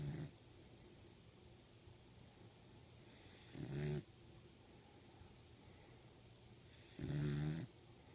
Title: Puppy snoring